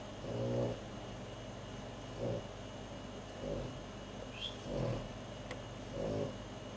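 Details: Sleeping pet snoring: five short, rumbly snores at an uneven pace over a steady low room hum.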